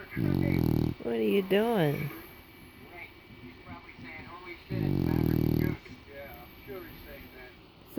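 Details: A sleeping English bulldog, after a rough day, gives two loud, low, rattling snores about four seconds apart, with film dialogue playing in the background; snoring.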